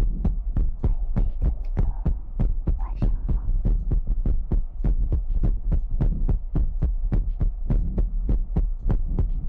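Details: ASMR livestream: steady deep thumping at about 98 beats a minute under a constant low hum; heartbeat.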